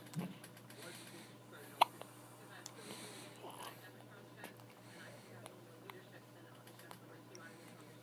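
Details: Baby hiccups: a single short, sharp hiccup in a quiet room with faint background noise.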